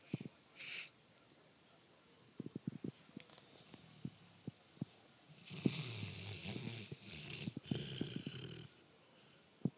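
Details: Dog snoring while asleep, much louder than in an earlier recording: two long, loud, rasping snoring breaths with a low rumble and hiss.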